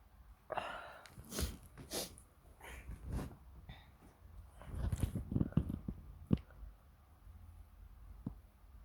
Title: just normal sneezing (supporting link in the description)